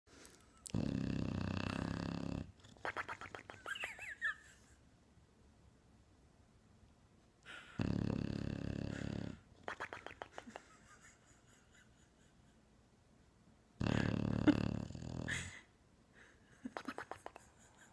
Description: This bulldog makes really funny noises when snoring.